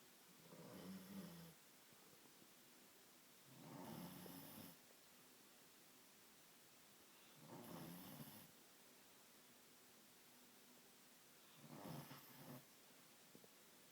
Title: Snoring dog =)